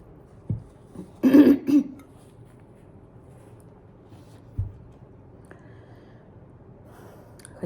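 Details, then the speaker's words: Brief double cough and throat clear, then quiet; habitual cough, worse on waking and after eating, absent at night, began about 3 months into a shoe-sewing job working with glue. "Почему у меня кашель частенько Вы наверно слышали как я вот иногда вот так вот"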